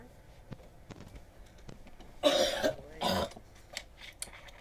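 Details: Female live-streamer who says she is sick, with a bad voice she is losing after weather changes, gives coughs: cough.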